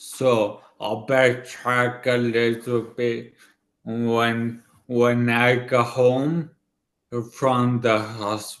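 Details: 40-year-old man about two years after a right-hemisphere ischemic stroke affecting his left side and part of his tongue and mouth, who relearned to speak: dysarthria after stroke.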